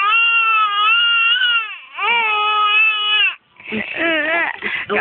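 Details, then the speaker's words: Infant crying with real tears: long, loud, steady wailing with breaks for breath, ending in sobbing bursts; ordinary vigorous crying. "Wawa. Totoong iyak e. May luha na eh."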